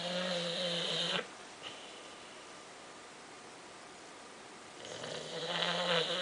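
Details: Sleeping after a tiring weekend away, two loud, buzzing, vibrating snores separated by a few seconds of quiet; ordinary snoring.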